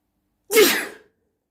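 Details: A single loud, explosive sneeze at night, with a brief voiced onset and a hissing burst of air trailing off into silence; sneeze.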